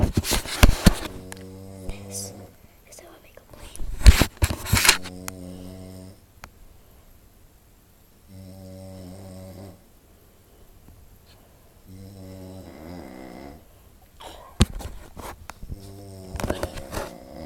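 Several loud, rattling snores, some long and buzzing, with bursts of quiet talk and room noise in between.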